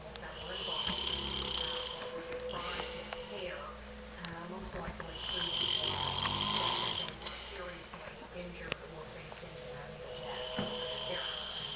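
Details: Rough, rattling snores from a father, rising and falling over a steady room hum; heavy snoring during sleep.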